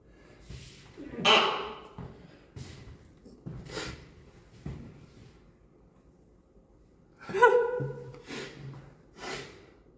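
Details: Sneezing during an hour-long live stream on 2021-09-17; he was also sniffing and coughing.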